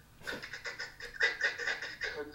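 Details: Newly qualified speech pathologist demonstrates stuttering on the word 'car', then pulls out of the tension within the stutter to reduce it; stuttering with pull-out technique.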